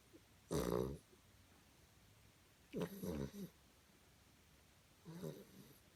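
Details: Three soft, fluttering snorty snores separated by quiet pauses, roughly 20–25 breaths a minute, from a tired, happy puppy sleeping after play; light snoring.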